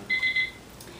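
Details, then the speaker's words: Three quick high-pitched beeps from an IV infusion pump in a simulation lab, displaying "air": air-in-line alarm signalling air detected in the primary tubing. "now okay I'm glad that this came up I've got an alarm it says air right here"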